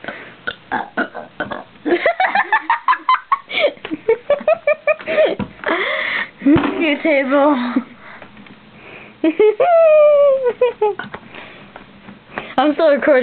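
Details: Voluntary burping: several loud, drawn-out belches between bursts of laughter and chatter.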